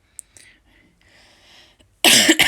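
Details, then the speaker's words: After some quiet breathy sounds, an adult gives a loud, harsh, dry cough burst with no rattle: a persistent tickly cough from a cold, not COVID, triggered by talking. "gonna cough again i'm really sorry this is the theme of my videos um is coughing i just cannot shift this silly tickly cough"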